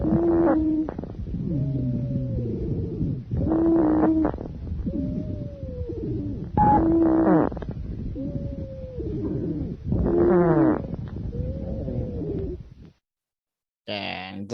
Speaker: wheezes may be described as high pitched in which case they are also called sibilant rhonchi or low pitched in which case they are also called sonorous ronkai